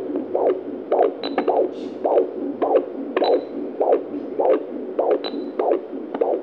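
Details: Fetal heartbeat at 36 weeks of pregnancy, heard at home with a handheld Doppler and recorded on a phone: rapid, regular whooshing pulses at roughly 100–105 a minute as counted here.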